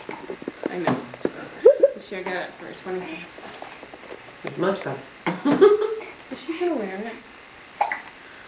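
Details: Infant hiccups: brief, sharp hiccup sounds mixed with voices in a small room while looking at a picture book and laughing; ordinary, harmless infant hiccups.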